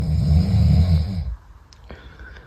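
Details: A loud, low, rattling snore lasting over a second, then quiet room noise, from a sleeping roommate, said to be far louder in reality; heavy snoring.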